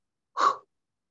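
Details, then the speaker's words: Voice imitation of a systolic crescendo-decrescendo murmur at the left sternal border, heard with the diaphragm, a breathy whoosh that swells and fades; labelled hypertrophic obstructive cardiomyopathy, though the case is said to sound like aortic stenosis. "instead number three you hear a systolic crescendo decrescendo murmur at the left sternal border"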